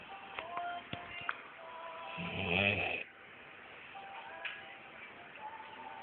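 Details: A single rattling, snorting inward breath during sleep, with faint music in the background: snoring.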